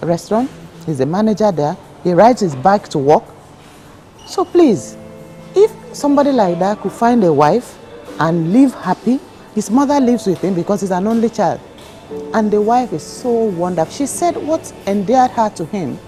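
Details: Adult woman speaking; ordinary speech.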